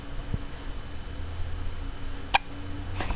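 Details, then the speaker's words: Hiccups in a 13-day-old baby who gets them often, held and gently danced by his mother, seeming unhappy: two brief, sharp hiccup bursts about a second apart against quiet room noise. "ok this is henry of 13 days with the hicups which he gets all the time"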